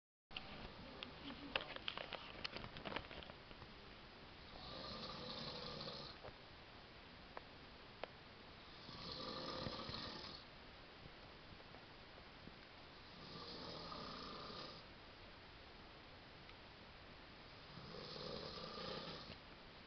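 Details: Adult man snoring in the dark: slow, regular, hard rasping snores, about four in twenty seconds, with a faint breathy rattle between them; loud ordinary snoring.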